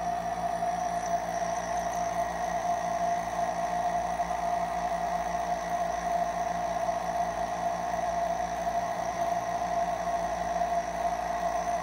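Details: Nebulizer compressor running.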